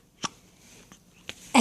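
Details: Repeated hiccups: two or three sharp, brief hiccup sounds about a second apart in a quiet room.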